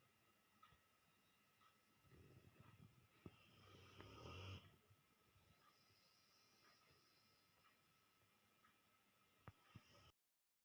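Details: Sleeping Rottweiler dog snoring: a low, rumbling breath builds to one louder snore, then quieter breathing with a few clicks.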